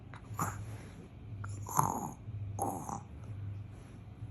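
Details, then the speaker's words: Toddler girl imitating snoring when asked to show how she snores: three short snorting, snore-like noises over a steady low hum. "എങ്ങനെ കൂർക്കം വലിക്കുക"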